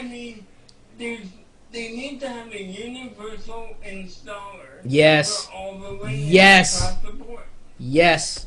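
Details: Speech in an adult man with cerebral palsy.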